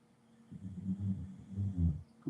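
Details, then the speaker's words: A female dog in a deep sleep snoring loudly in a quiet room: low, rumbling, rattly breathing sounds heard in the background. "My dog's snoring like crazy. You could probably hear it in the background."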